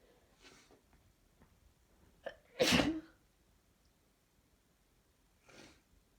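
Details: Woman with allergies: a quick catching inhale, then one forceful explosive sneeze, followed by a soft breath; allergic sneezing.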